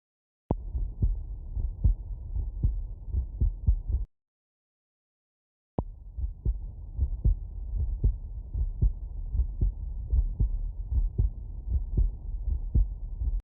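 Steady low thumps of a heartbeat through a stethoscope at about 76 beats a minute, with a short gap in the recording. The rhythm is regular with no added sounds, consistent with normal heart sounds.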